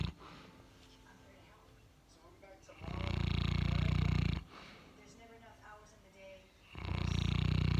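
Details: Sleeping Boerboel (mastiff) dog during an afternoon nap: loud, deep, rattling snores on each breath, separated by quieter pauses; snoring.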